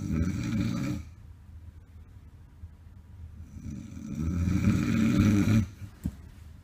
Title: SNORING zzz...